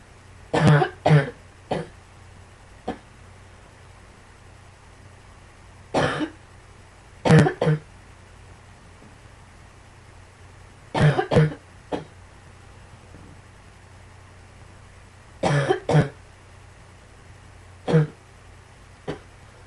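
About five bouts of two or three harsh coughs each, spaced a few seconds apart, with faint background hum: repeated coughing.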